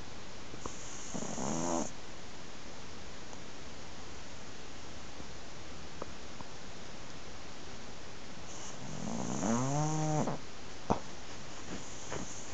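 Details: Cat named Dennis snoring: two soft, low, buzzing snores about eight seconds apart, with quiet breathing and faint room noise between them.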